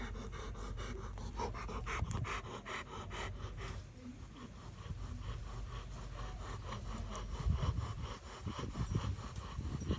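Rough, rhythmic rattling breath noise with a low flutter, typical of snoring, over steady room noise.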